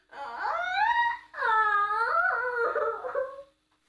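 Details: A man with Tourette syndrome: two loud, drawn-out wailing cries with sliding pitch, an involuntary vocal tic; his tics came on suddenly and violently in childhood.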